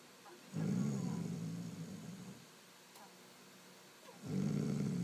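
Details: Sister snoring during sleep: loud, low, rattling snore on each breath in, with a quiet pause between, about two breaths.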